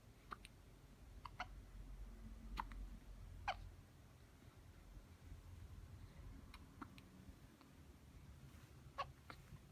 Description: 3 weeks old TWINS / first time to see the M TWINS HICCUPS . caught communicating thru hiccups ?! So cute!